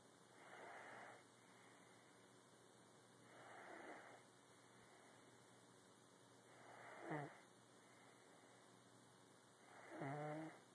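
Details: Sleeper, said to snore like a grandpa: soft, slow breathing with a low rattle on some breaths, about 19 a minute, in a quiet room; snoring.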